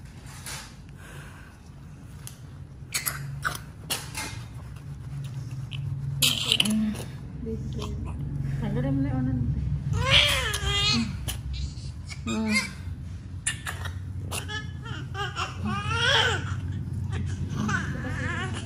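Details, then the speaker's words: Short, intermittent high-pitched cries and squeals over room noise and low rumble from a newborn just after normal vaginal delivery at a lying-in clinic to a 39-year-old second-time mother; normal first cry. "Iyak na rin yun. Very good. Iyak na, sige."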